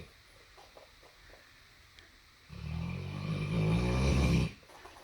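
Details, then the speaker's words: Quiet breathing, then one long, loud, deep rattling snore lasting about two seconds from a sleeper; snoring. "Were you snoring? Were you snoring? Do you need a CPAP? A CPAP? A CPAP machine? Huh? Because you were snoring like a fatty."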